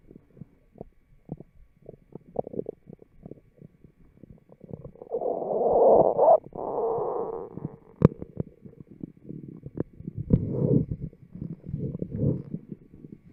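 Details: Microphone taped to the abdomen of a fit, healthy person picks up low gurgling and rumbling with scattered pops and a longer growl midway; normal bowel sounds, stomach growling.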